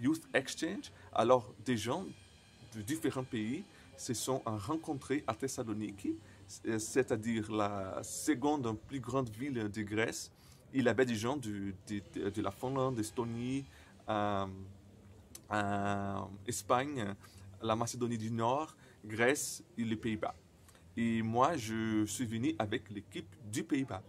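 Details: 28-year-old Brazilian man who stutters, speaking non-native French, who says his stuttering very often includes silences and at other times many repetitions; stuttering.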